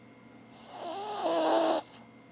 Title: Cavalier King Charles Spaniel Abbers Snoring With Her Tongue Hanging Out!